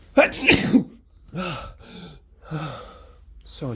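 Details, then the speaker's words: Forceful sneeze during flu, part of a repeated sneezing fit with a lingering tickle, followed by short voiced exclamations. "I feel another sneeze I really really have to sneeze"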